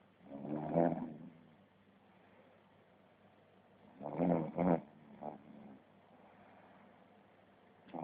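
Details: Father (adult) snoring while asleep: soft, irregular throaty snores, two snoring breaths in eight seconds, over a steady background hiss.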